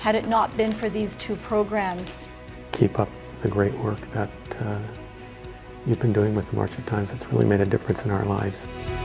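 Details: Adult speaker; ordinary speech.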